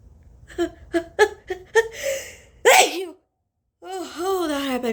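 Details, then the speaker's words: Forced sneeze: one forceful sneeze after sniffs and catching breaths, then a gasp and voiced exhale, triggered by a tiny rolled tissue tip in the nostril after turmeric was put up the nose; eyes watering. "oh oh oh God oh my eyes are watering I think this is going to work okay got two sneezes we're going to try this nostril now"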